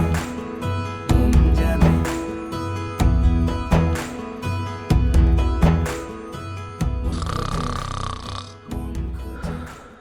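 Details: Snoring by a man, a father of two, in a scripted Bangla TV drama scene about a couple sleeping apart because of his snoring; simulated, not a real recording.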